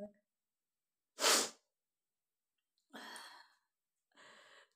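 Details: A single sharp sneeze burst followed by two softer breathy sounds, deliberately triggered by tickling the nose with paper, in a quiet room; sneeze.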